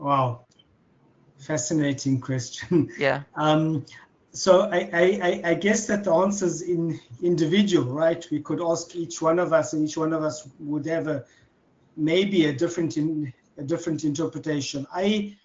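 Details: Stuttering in an adult man who has stuttered since childhood.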